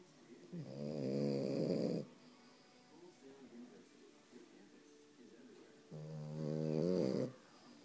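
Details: Snoring from a female puppy during her normal afternoon nap: two long, rough snores about four seconds apart, with soft, quieter breathing between them.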